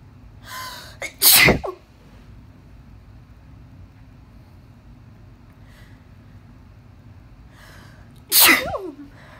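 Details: Uncovered allergic sneezing fit after dusting, 19 sneezes in all: two loud sneezes, each with a sharp inhale first, several seconds apart over low room hum.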